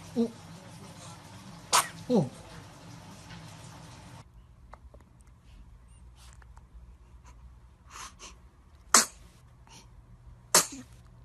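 Several brief, sharp bursts of air from a baby, consistent with small infant sneezes, over quiet room noise.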